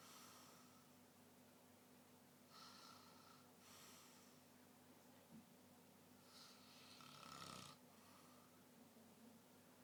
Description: A guy snoring.